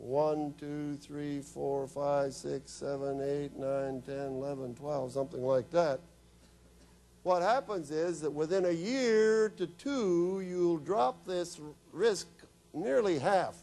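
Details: Adult man; ordinary speech.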